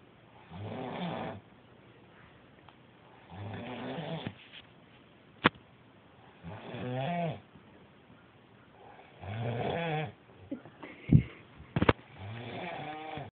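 Loud, rough, rattling snores about every three seconds, with a few sharp clicks between them; heavy snoring.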